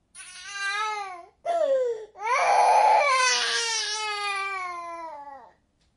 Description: What a baby crying sounds like .